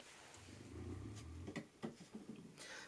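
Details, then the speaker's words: Pet dog snoring while tired, faintly audible in the background under speech. "apologize if you can hear my dog snoring he is tired apparently but here is the citrine quartz"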